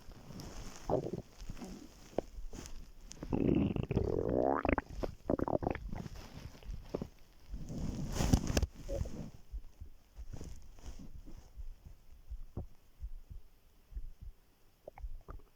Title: How my stomach growls when I lay down on it